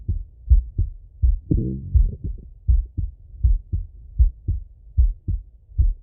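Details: Male heart auscultation through a stethoscope, recorded sitting or lying: regular paired thumps at about 80 beats a minute with a brief rubbing noise; normal heart sounds.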